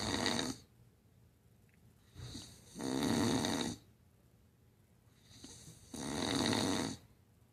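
Loud, rasping snores about every three seconds, roughly 19 a minute, with a softer lead-in before each; typical snoring.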